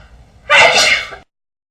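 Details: Pig sneezing: a single sharp, hissing sneeze bursting out after a brief intake of breath.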